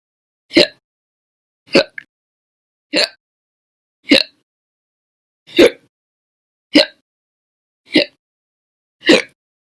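Eight sharp, abrupt gulping sounds roughly every 1.2 seconds, somewhat irregular, in a quiet background; repeated hiccups.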